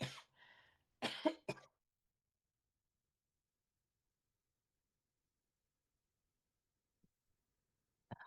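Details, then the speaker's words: Adult gives a short cough and throat clear, then a quick cluster of dry coughs during a recorded talk; speaker attributes it to allergy season. "Hopefully you didn't hear that. Season for wheezing, right? Allergy season."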